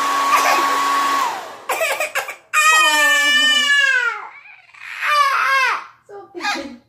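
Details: Infant frightened by a hair dryer: a steady blowing hair-dryer noise gives way to the baby's loud, wailing cry bursts with falling pitch.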